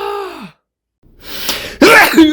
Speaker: what was that sneeze that was a wild one